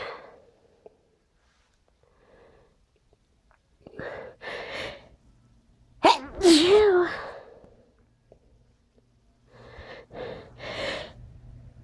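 Short nasal sniffs, then a loud sneeze, followed by more quick sniffles; sniffling with a sneeze, as with a runny nose.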